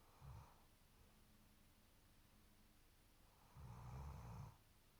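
Two low rumbling snores a few seconds apart, with quiet breathing between them; ordinary dog snoring.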